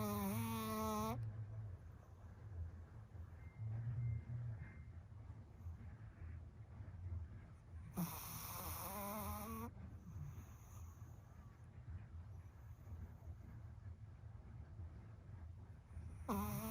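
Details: Nearly 2-year-old, 9 lb Shih Tzu napping with an air pillow collar over a tick bite, snoring loudly: whistling, rasping snores with a low rumble between, about three; snoring.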